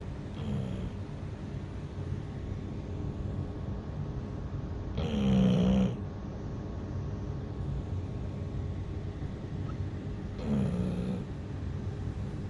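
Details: Snoring: three low, rumbling snores about five seconds apart, roughly 12 breaths a minute, over steady room noise.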